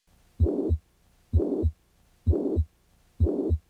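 Steady heartbeat near 64 a minute, with a harsh whooshing murmur filling the gap between first and second sounds.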